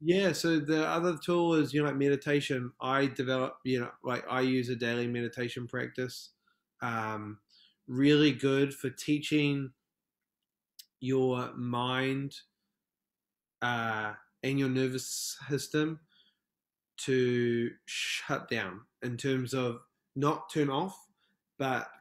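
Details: Stuttering in an adult male from New Zealand who describes himself as a proud person who stutters; podcast interview.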